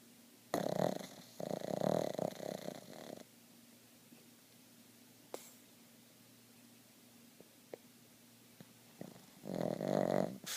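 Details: Sleeping pug snoring, with eye rolls, dreaming and puffs of air escaping the jowls; loud, rattling snores in bursts on the in-breath, with quiet pauses between them.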